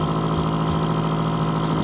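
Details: Newly unboxed suction machine being switched on and tested at regular pressure: steady, loud, low motor hum and drone of the pump running continuously.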